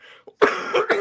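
A quick run of short, throaty, partly voiced bursts from an adult, somewhere between a cough and throat clearing; a cough.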